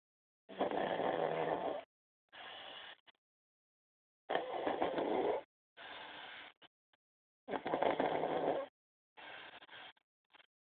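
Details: Snoring during sleep: raspy bursts in quick pairs, a long rattle followed by a shorter one, with silent gaps.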